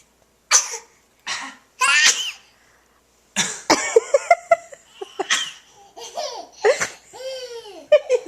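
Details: Toddler walking toward his mother gives a few short, sharp, breathy sneezes, followed by adult laughter in a small room.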